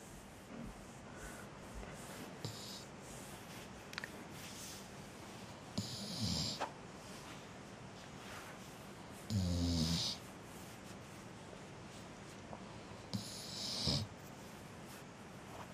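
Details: Snoring while hot, per the owner: three low, rattling snores at irregular intervals of a few seconds, with quiet breathing between them and a steady background hiss.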